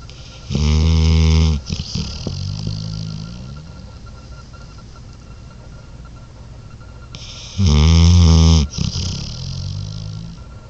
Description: This is a video of my morbidly obese dog snoring.